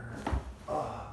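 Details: Single dull pop with a low thud during an osteopathic spinal adjustment for back pain, on exhale: joint cavitation, an intense back crack.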